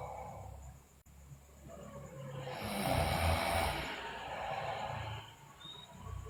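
One loud, rough breath-in rattle rising and fading over a few seconds during sleep, a snore, with faint room noise.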